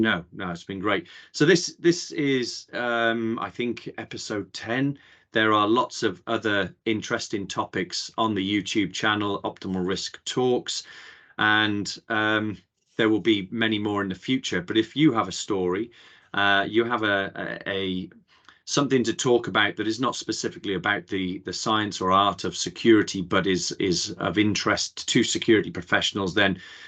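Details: Adult male speaker; normal speech.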